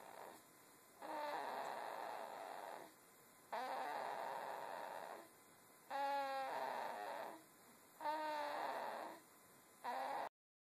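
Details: Sleeping baby snoring: soft, squeaky, whistling snores alternating with breathing sounds, about five in ten seconds, over a steady background hum.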